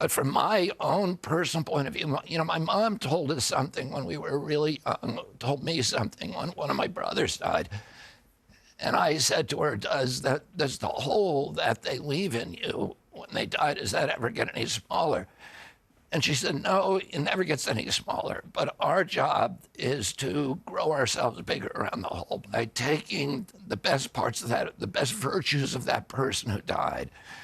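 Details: Adult man with spasmodic dystonia, a neurological disorder making his vocal cords tighten constantly. Onset at age 42 after a 1996 injury; surgery in Kyoto about eight months earlier.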